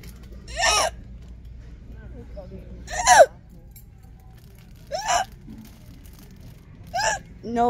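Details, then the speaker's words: Four loud, abrupt voiced hic sounds about every two seconds from an adult walking in a store, who reports recurrent hiccups for about five years with nothing working; repetitive hiccups. "I'm in Mississauga Ontario shopping that Dollarama with my mom and my hiccups I started so I thought I would walk around while she shops and do this video"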